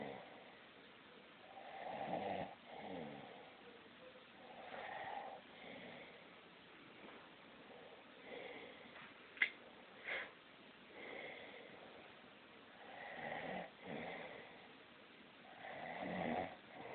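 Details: Adult man (the father) asleep and snoring, compared to an old car: rough, rattling snores about every three seconds, roughly 20 a minute, in a quiet room; snoring.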